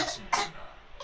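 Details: Imitated cough: an older cousin pretends to cough to make a baby laugh. Two short, forced, playful cough-like bursts, not an illness cough.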